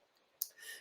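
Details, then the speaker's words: Temporomandibular joint click demonstrated on a model: a single sharp click as the mandibular head meets an anteriorly displaced articular disc during mouth opening; disc displacement with reduction. "isso acontece e o disco tá interiorizado a cabeça da mandíbula toca esse disco articular e dá o som de estalo"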